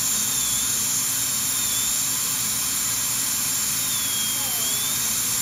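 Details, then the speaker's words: Steady high-pitched whine of a high-speed dental drill running continuously with a 012 burr during preparation of teeth #7 and #8 for porcelain veneers with lingual chamfer margins. "So we have to drop down to a smaller burr. So I'll go down to the 012 and try to do as much with that as I can."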